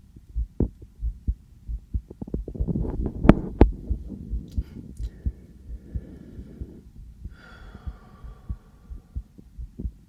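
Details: Own heartbeat via a sensitive stethoscope, possibly quick after just coming in from outside: regular low thumps, slightly fast, with brief rubbing noise; normal heart sounds.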